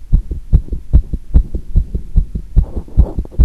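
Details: Own heart sounds after squats, chest pressed on; one irregular beat reported in the recording: fast, regular low thumping heartbeat at roughly 145 beats a minute, quickened after exercise.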